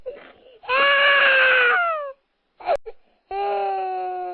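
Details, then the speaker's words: A baby cries in drawn-out wailing bursts with a short whimper between them, used as a body-sound listening exercise for children: infant crying. "Muy bien, corresponde una guagua llorando."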